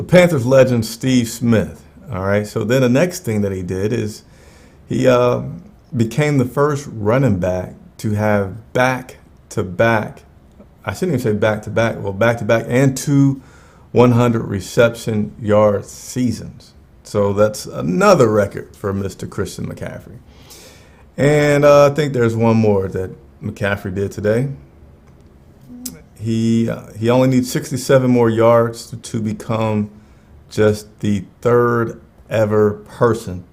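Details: Stuttering in an adult male who acknowledges his own stutter.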